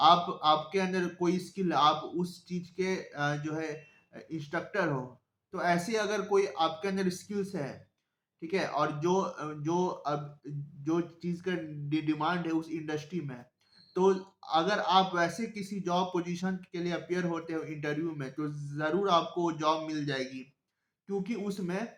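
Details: Stuttering in a self-identified adult male who stammers, speaking Hindi; stuttering.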